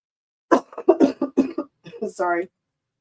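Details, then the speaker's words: Adult seller coughing during a live comic-book sale: a short run of several abrupt, voiced coughs, followed by a brief throaty vocal sound. "sorry now you can hear me coughing"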